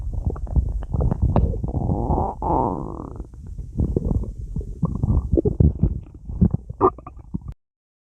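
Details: Stomach growling: low gurgling, bubbling rumbles with a brief squeaky gurgle midway, continuous for about seven seconds (borborygmi).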